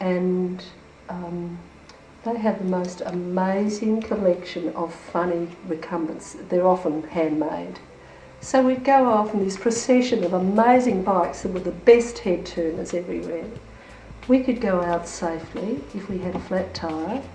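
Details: Adult woman, carer; no disorder.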